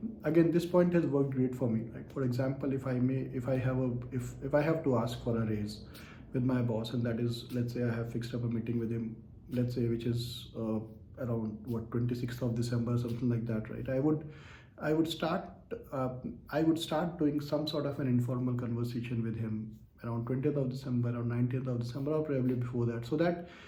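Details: Adult man who says he stutters and stammers and finds words starting with K and ch challenging, speaking English; stuttering.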